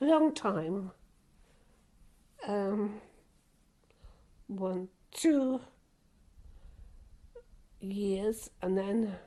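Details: Older woman with aphasia after a stroke, struggling to find words when speaking.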